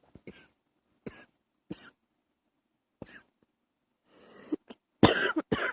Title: Coughing # 18 early morning